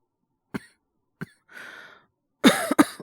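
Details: Acted by a male voice actor: a few short dry coughs, a breath in, then a louder double cough; a lingering, subsiding cough after a late-summer cold.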